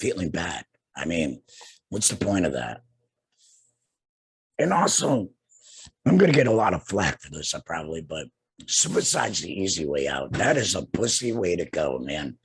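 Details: Adult man two years after total laryngectomy for cancer with radiation and chemotherapy, breathing through a neck stoma and speaking with a tracheoesophageal puncture voice prosthesis and an HME: tracheoesophageal speech.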